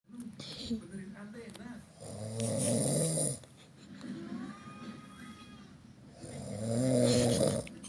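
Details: Person snoring: loud, rattling snores on the breaths in, with quieter breathing between them.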